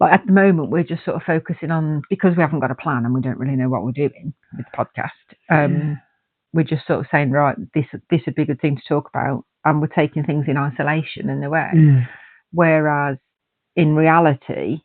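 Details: Adult male speaker in conversation; ordinary conversational speech.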